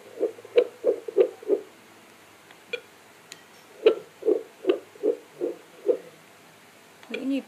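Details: Rapid, regular whooshing thumps of a fetal heartbeat, roughly 160 a minute, briefly interrupted, heard on a home fetal Doppler (Bestman BF 515).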